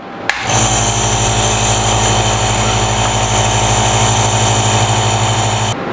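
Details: Nebulizer compressor running: steady loud buzzing motor drone with a low hum, starting and stopping abruptly.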